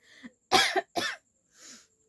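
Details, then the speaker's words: Real cough from a person with a mild cold during a seasonal weather change, who coughed heavily the night before: two sharp, harsh coughs with a softer breath afterward. "मतलब मुझे अभी सच में real coughing हो रहा है क्योंकि मुझे थोड़ा सा सर्दी हो गया है"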